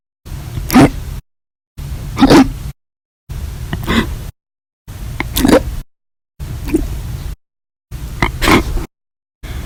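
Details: Violent, loud hiccups: a run of sharp, sudden catches of breath, about 40 a minute, irregularly timed.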